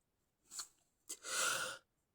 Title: stifled inducing sneezing, sometimes stifled rapid sneezing